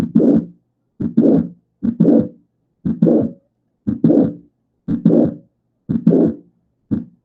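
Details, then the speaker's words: Mitral valve prolapse: a midsystolic click followed by a late systolic murmur of mitral regurgitation. "ole se escucha un clic y posterior a ese clic en el soplo. Eso nos dice que es un prolapso."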